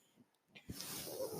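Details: Mechanical ventilator delivering breaths to a man, audible in the background while he speaks on a podcast; the noise is his ventilator.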